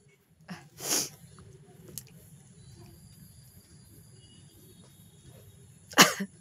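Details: Sneezing deliberately provoked with an object in a sneezing challenge, eyes watering: two sharp, hissing sneeze bursts several seconds apart, with a smaller breath sound between, against faint room noise.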